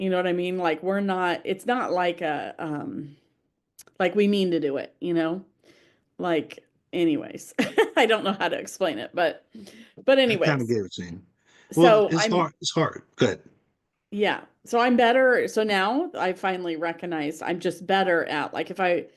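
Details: Aphasia in a man after a stroke.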